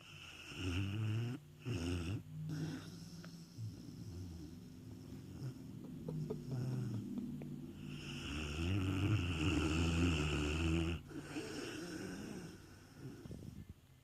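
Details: Sleeping puppy dog snoring heavily: low rumbling, snorting breaths rising and falling with each breath.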